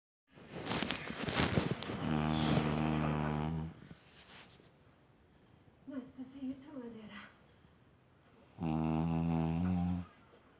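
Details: Two loud, buzzing, vibrating snores several seconds apart, with quieter snuffling breaths between them; snoring.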